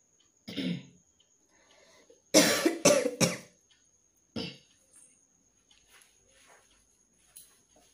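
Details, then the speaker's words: Several dry, harsh coughs in quick bursts, including a tight run of three, from a persistent tickly throat, worse at night and while working, throat hoarse and sore from coughing: cough. "কিন্তু রাত্রেবেলা যখন ঘুমাচ্ছিলাম আর বাকি যখন কাজ করছিলাম, রান্না বান্না সারছিলাম, তখন কিন্তু ভালোই কাশি হচ্ছে।"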